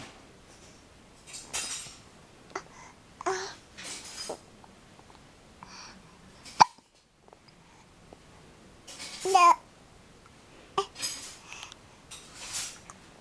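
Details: Hiccups in a 6-month-old baby boy: several short, abrupt catches of breath mixed with soft babbling in a quiet room.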